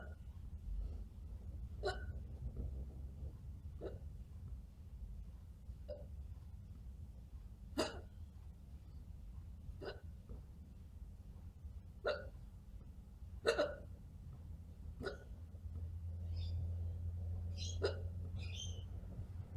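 Repeated short, sharp hiccup sounds at irregular intervals, about eight in twenty seconds, over low room hum; they may be imitated rather than genuine.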